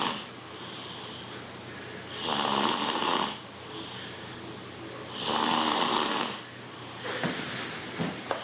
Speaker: The butt appears to be moving with each snore. She slowly saws wood.